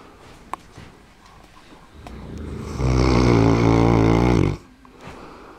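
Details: Sleeping Mastino (large dog): a loud, rumbling snore lasting about two seconds, with a steady vibrating flutter; snoring.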